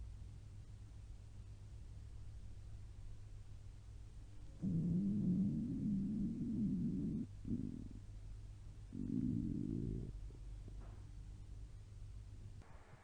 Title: Babs Bunny's stomach growling